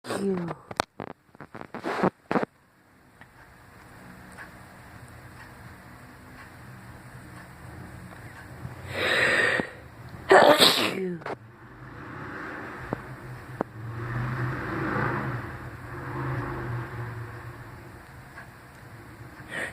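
Two sharp, explosive sneezes close together over steady background noise, part of a sneezing fit.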